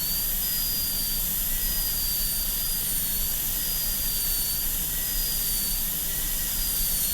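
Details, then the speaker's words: A high-speed dental drill gives a steady high-pitched whine over a low rumble. It is cutting a Class II mesio-occlusal preparation on lower tooth 30 of a typodont, a demonstration model rather than a patient, with the burr nipping out lingually beside the adjacent tooth. "Then I'm going to go lingually, just with the burr right next to the adjacent tooth, just nip out lingually until I get to a point where I think I'm going to have some clearance."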